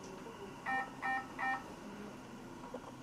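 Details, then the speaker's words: Three quick electronic beeps over a low device hum: F&P Airvo 2 high-flow nasal cannula oxygen unit alarm warning to check for obstruction at the cannula tip. "an kalemimin ucunda bir kaç oluşturduğumuz için tıkanıklığı kontrol etmemiz gerektiği konusunda bizi uyarıyor"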